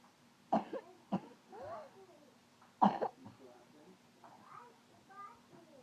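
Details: Young girl with chronic coughing gives three loose, wet coughs with soft voices and room sounds between them; a parent is counting her coughs over 2 minutes.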